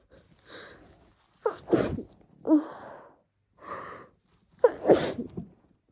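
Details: Person sick with a cold whose every cough triggers a sneeze, throat getting sore: several explosive, messy, wet sneezes, each with a sharp intake of breath, mixed with short coughs.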